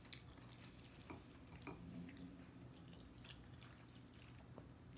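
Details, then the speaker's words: An adult's stomach growls (borborygmi) while eating ramen noodles with eggs and cabbage during a mukbang. "stomach growling. I hope y'all didn't hear that. But I'm quite sure y'all stomach growls sometimes too."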